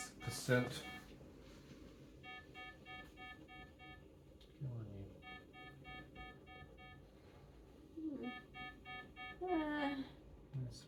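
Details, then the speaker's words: Pulse oximeter low-oxygen alarm sounding as SpO2 falls to 88–87% in a woman with 22q11.2 deletion syndrome having seizures, dystonia, eye rolling and unresponsiveness; pulse oximeter low oxygen saturation alarm. "Alerts are going off for oxygen. That's at 88 87"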